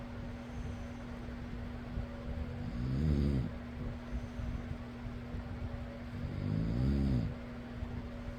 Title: fan noise + person snoring.